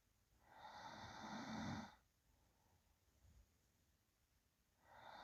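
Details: Real recording of a sleeping person: slow sleep breaths with a low, rough snore on each inhalation and quiet pauses between; soft snoring.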